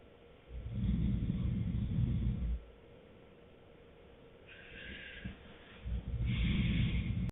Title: boyfriend snoring deeply